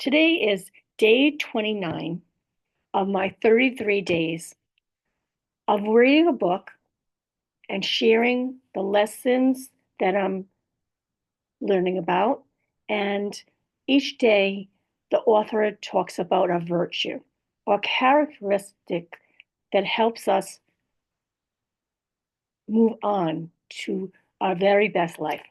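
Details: Woman in recovery after a stroke with aphasia, a language disorder, plus apraxia of speech and dysarthria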